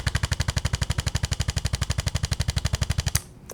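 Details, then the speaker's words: Percussion adjusting instrument (ArthroStim) applied under the scapula to break up adhesions: rapid very regular low thumping, about four a second, then stopping. "let's get in there use that percussion underneath that scapula and really start to break up some of those adhesions because the body's been adapting"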